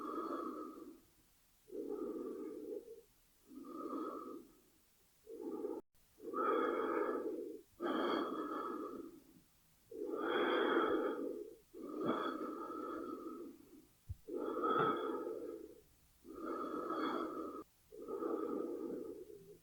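Slow, steady in-and-out breaths, about 15 a minute, from a sound effect; ordinary breathing.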